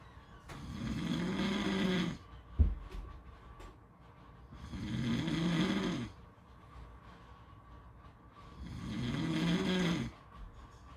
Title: Beach snoring sounds